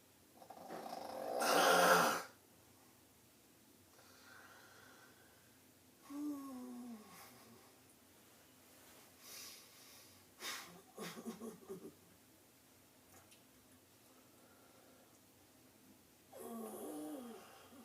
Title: Funniest snoring